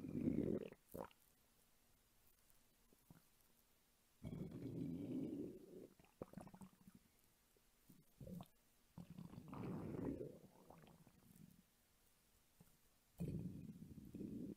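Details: Low gurgling rumbles and squelches in bursts with quiet gaps from a hungry woman's belly, recorded as ASMR: normal hunger-related stomach rumbling (borborygmi).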